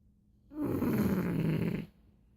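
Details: One loud, low, rattling snore lasting over a second, ordinary snoring, recorded while two sleepers snore in tandem.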